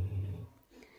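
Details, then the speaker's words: Dog snoring quietly in the background, with ironing noise nearby: soft, discreet snoring. "Et le ronflement discret que vous entendez, ben, c'est mon chien."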